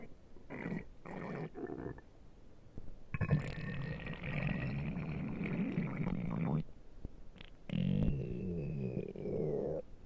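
Long, low gurgling rumbles with squeaky rising tones: stomach growling from gas and fluid moving through the gut.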